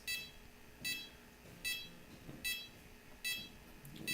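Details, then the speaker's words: Capnograph/pulse oximeter (OxiMax N-85) apnea alarm, repeating high-pitched tones about 75 a minute, triggered by a volunteer deliberately holding her breath in a respiratory therapist's demonstration; the alarm can be silenced with a button. "is going down okay that's the alarm and you can sound silence it with that button"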